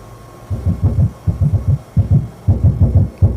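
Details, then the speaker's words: Heart sounds with arrhythmia played through a phone as a demonstration: low heart thumps in uneven clusters with irregular gaps and pauses, an irregular, disordered rhythm. "Cuando nosotros escuchamos ruidos que son saltones, que son a destiempo, que hay pausas, que son desordenados, eso nosotros le llamamos arritmia."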